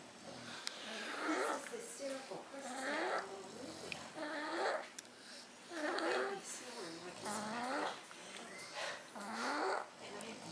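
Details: Two sleepers snoring at once: repeated rough, wavering snores about every two to three seconds, overlapping from more than one sleeper.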